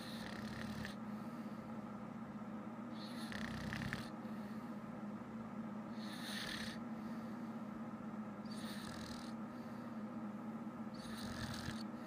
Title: My girlfriend snoring again